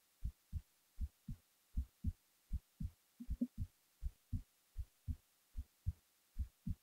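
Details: Heartbeat recorded while falling asleep: steady low paired thuds at about 79 beats a minute in a quiet room, an ordinary resting heartbeat.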